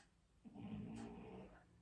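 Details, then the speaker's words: Snoring heard in the background of a quiet room, from a "snory baby". "Can you all hear the snoring on the video?"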